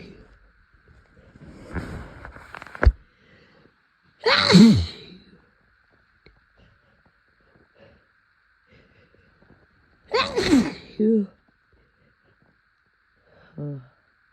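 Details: Allergic sneezing on a high-pollen April day, induced by sniffing flowers and chhinkni sneezing powder: two forceful, explosive sneezes with sharp inhaled build-ups, separated by quiet, then a brief vocal sound.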